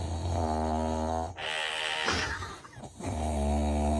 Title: Amusing Snoring #funny #funnymoments #snoring #usa #foryou